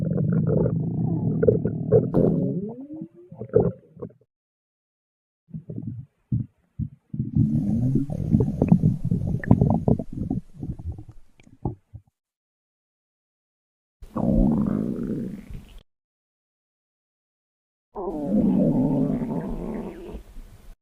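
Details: Female stomach growling (borborygmi): long rumbling, gurgling and squeaky groans in bursts with silent gaps.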